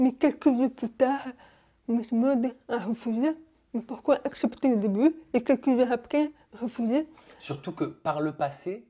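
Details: Young adult woman, deaf from birth, wearing hearing aids since birth and speaking orally with lip-reading, recently fitted with new hearing aids; speech of a person deaf since birth.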